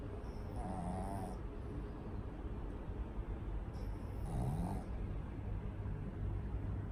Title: SNORING PUG : our Hachiko snores so loud